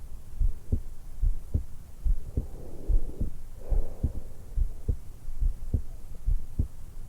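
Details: 20-year-old woman lying supine in bed just after waking, stethoscope microphone on the suprasternal notch: steady regular heartbeat about 71/min with soft breaths partway through; heart and breath sounds.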